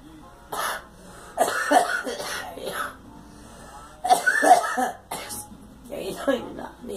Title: Girl coughing